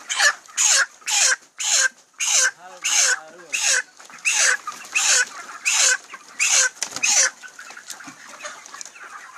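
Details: Chicken with chronic respiratory disease (CRD), "ngorok": repeated harsh, noisy breath sounds about 95 per minute with a wet rattle; snoring-type rattling breathing.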